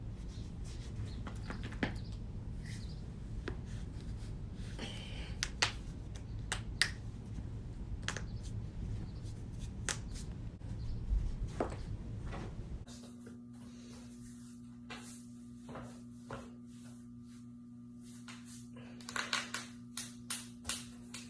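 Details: Scattered sharp pops and clicks of joint cracking (crepitus), harmless popping of knuckles or other joints.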